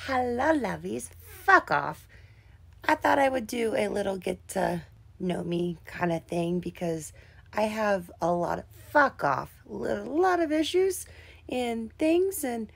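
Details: Adult woman with tics and Tourette syndrome caused by brain tumours years ago and the chemotherapy and treatments that followed, also with seizures: involuntary interjected vocal tics during speech.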